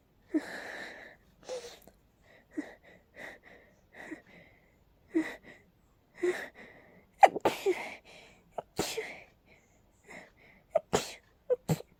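A rapid run of about a dozen sneezes, each with a sharp intake of breath before the burst, a sneezing fit from allergies.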